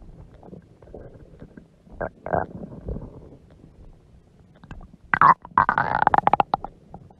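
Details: Stomach growling from a mother's huge belly: low gurgles, then a louder rippling growl with quick bubbling pulses; borborygmi.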